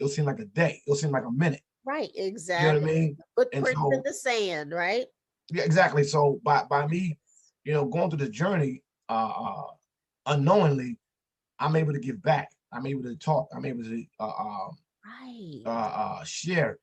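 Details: Stuttering in an adult man, an author and motivational speaker, who says he stutters and that others can hear it.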